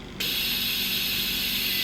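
A click is followed by a sudden, steady high hiss of gas flow as the ventilator's nebulizer switches on and runs.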